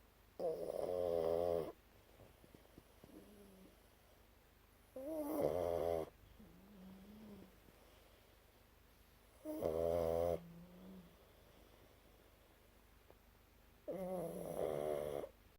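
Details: Pug snoring: four loud, rattling snores on inhalation, about 15 breaths a minute, each followed by a softer whistling exhale.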